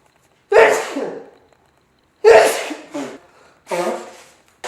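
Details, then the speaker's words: Adult with severe seasonal allergies, recurring each late September to early October in Texas, described as uncontrollable: three forceful sneezes in quick succession, each a sharp burst trailing off, the last more voiced. A repeated sneezing bout. "every year like the last two weeks of september and the first two weeks of october my face looks like this because my allergies are so bad"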